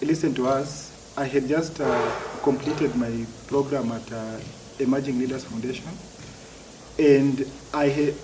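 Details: Adult man who has stammered since childhood; stuttering.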